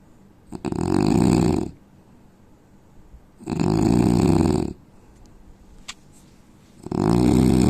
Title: Indian man snoring sound